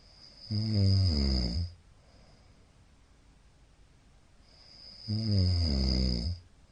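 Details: Middle-aged man snoring in sleep, recorded 15 Feb 2022: two deep, rattling, loud snores about 4.5 seconds apart with quiet pauses; the recorder wonders about possible sleep apnea.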